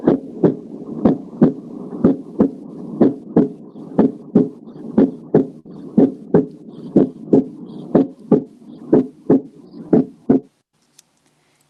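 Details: Normal heart sounds at the apex (S1 louder than S2).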